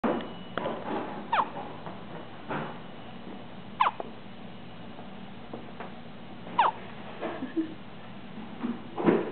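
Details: Hiccups in a 6-day-old newborn: brief, sharp, squeaky catches recurring every two to three seconds with soft breathing between.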